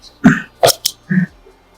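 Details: During a chiropractic neck adjustment session for a woman with persistent neck pain, forward neck posture and tight neck muscles: a few short, rough voiced bursts from the throat in quick succession, throat clearing.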